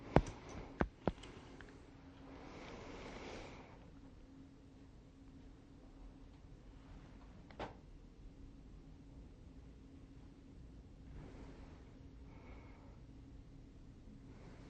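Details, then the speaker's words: Normal bowel sounds heard on stethoscope auscultation of the abdomen of an adult male during a physical examination: quiet abdominal sounds with a few soft gurgles and clicks over low background hum. "Good. That all sounds fine."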